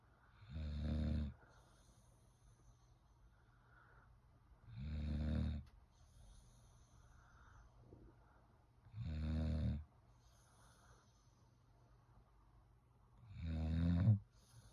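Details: English bulldog sleeping while sitting up, snoring loudly: loud, rumbling snores on each in-breath, four in about 15 seconds (roughly 16 a minute) with quiet gaps between; snoring in a flat-faced dog.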